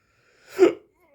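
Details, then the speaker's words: A single hiccup in an adult who has hiccups after drinking too much wine: one short, abrupt voiced burst in a quiet room. "Today's been okay. Apart from the hiccups. I could do without the hiccups, you know."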